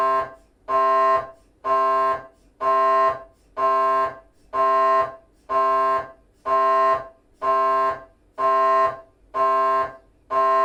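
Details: Scanner noise from a GE 3T MRI of the petrous bone (Felsenbein): loud, regular buzzing tone bursts about once a second during a T1 3D (FSPGR) sequence; normal scanner noise.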